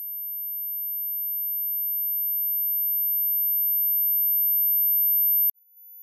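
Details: Steady, very high-pitched pure sine tone stepping up to a slightly higher tone, from a 200–14000 Hz tinnitus frequency-matching test: tinnitus pitch-matching test tone.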